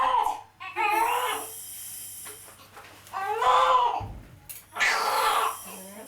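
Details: Newborn baby boy just after an emergency ventouse delivery to a 17-year-old mother, weighed as healthy: bursts of loud, high crying separated by brief pauses; a vigorous normal newborn cry.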